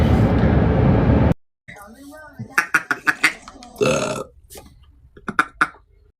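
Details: Loud, drawn-out burp, then a short pause and talking with a second, briefer belch, during a live stream; burping.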